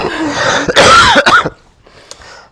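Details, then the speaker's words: Sick adult's cough during a podcast recording: a short, harsh throat-clearing cough in a quiet room, then silence. "which is great because today's podcast uh will be about imperfection that we don't need to be perfect and you can see you will hear a lot of coughing today."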